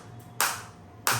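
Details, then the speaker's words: Focused (not radial) shockwave therapy device firing at intensity 8, applied to the operator's own uninjured body, not on a joint: two sharp, loud snapping pops about two-thirds of a second apart over faint room noise. "तो इस तरीके से आप देख सकते हैं ये shock आ रहे हैं। अभी एट इंटेंसिटी है।"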